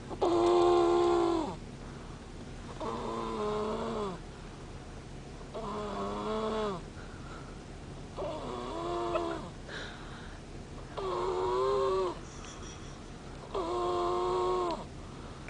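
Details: Female asleep in a car, snoring: repeated whistling, whiny snores at about 23 breaths per minute, some breaths softer than others.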